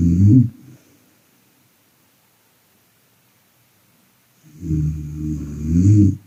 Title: When your wife snoring